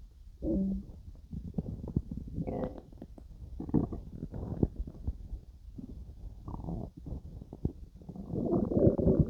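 Low gurgling and bubbling rumbles with irregular squeaky pops and a surging gurgle at the end: active bowel sounds, stomach growling during digestion.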